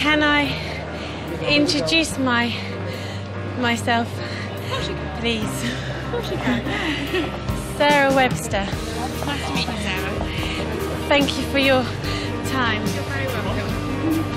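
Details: Stuttering (stammering) in a male new student of a four-day McGuire Programme course, recorded the night before the course begins while he still speaks in his old, untreated way.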